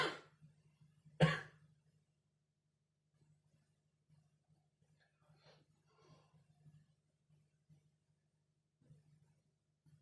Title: Coughing 20240626 01:47